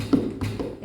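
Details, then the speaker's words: Vocal imitation of a gallop rhythm during a physical-exam teaching session: three quick tap-like beats in a triplet, an extra heart sound, described as very fast like a horse. "very fast like horse eh it is called as a galop on common also the murmur"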